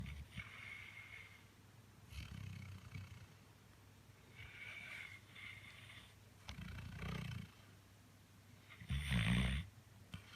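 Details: A sleeping animal snoring loudly, sounding human, while kicking in its sleep.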